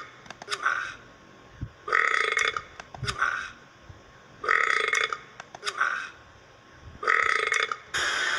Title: Burping burps